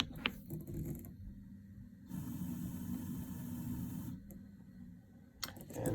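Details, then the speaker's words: Breas Vivo 65 home ventilator pre-use test: quick resistance test with the circuit end blocked, steady mechanical hum with airflow hiss and clicks. "so we're now doing a quick resistance test and now we're gonna block the end of the circuit"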